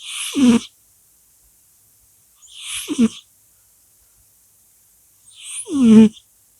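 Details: A cat, described as snoring: three sharp, hissing sneeze-like bursts a few seconds apart, each ending in a short voiced squeak; repeated sneezing.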